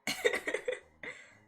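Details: Adult woman sick with COVID, hoarse-voiced, gives a short run of quick, rattling coughs ending in one more harsh cough.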